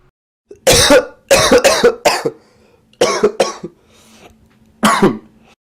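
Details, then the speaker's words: Dry, irritative cough, as described for irritation of airway sensors by a harmful particle: several sharp coughs in bursts, about ten in all, with no rattle or wet sound. "La tos que no mueve material se llama tos seca o irritativa y normalmente está producida por alguna partícula nociva dentro de la vía respiratoria que irrita a los sensores y pone en marcha todo el circuito de la tos."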